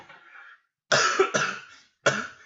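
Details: Adult who is sick with coughing and sniffling: three loud, harsh coughs in quick succession, fitting an acute illness.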